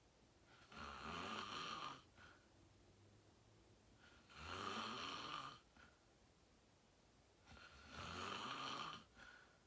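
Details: Loud rattling snores on each inhalation, about 17 per minute, quiet exhalations between; steady snoring of person filming themselves sleeping, fell asleep fast around 8:45, described as deep REM sleep; sleep apnea tagged.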